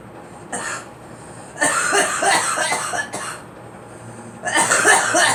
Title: Girl coughing